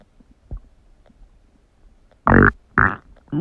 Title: Huge Stomach Noises | My Stomach Makes Noises